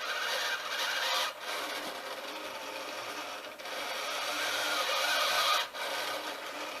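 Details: Mechanical whirring and rasping, with brief pauses between strokes, from an Arduino-controlled sail-winch servo arm squeezing an Ambu bag, with breathing rate being adjusted; automated bag-valve-mask ventilator.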